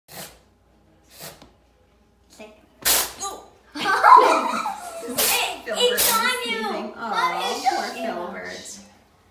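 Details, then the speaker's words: Cat sneezing fit shown by a small animal veterinarian: a few short bursts, then a wet, snotty sneeze with thick yellow mucoid discharge; vet suspects the beginning of a respiratory infection rather than allergies. "a good video of cat sneezing, and this is mucoid, so it's kind of thick and snotty."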